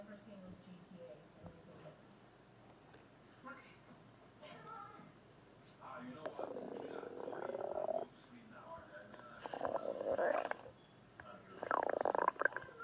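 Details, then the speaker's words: Very hungry person recording their own stomach, which moved visibly with the sound; low rumbling and gurgling bursts rising into squeaky, whining tones: stomach growling (borborygmi). "Whoa, that growl came out of nowhere. Did you see my stomach move a little?"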